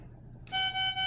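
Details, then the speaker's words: Alaris infusion pump occlusion alarm, triggered deliberately by leaving the line clamped during a primary 500 mL normal saline infusion: after quiet room noise, a loud pulsing electronic alarm in repeated bursts following the yellow "checking the line" standby alert. "so now it's going to say checking the line as a yellow standby alarm and then it will get angry and be very loudly at us yes now we have an occlusion so you're going to restart on or on clamp your clamp"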